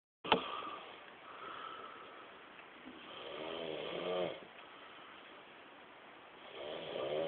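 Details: Snoring recorded in a comic movie style: slow, rattling snores rise and fade over several seconds, with a tinny, muffled sound throughout.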